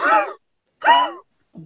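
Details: Imitated altered bark (dysphonia) in laryngeal paralysis, shifting from a deep bark to a weaker, rougher noise or a squeak, usually from right recurrent laryngeal nerve damage, mostly in older large-breed dogs.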